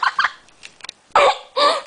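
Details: Drunk 18-year-old man with hiccups for half an hour at 5:45 am after clubbing and hookah, with cold sweats, having just eaten a pickle: short, abrupt voiced hiccups mixed with giggly noises.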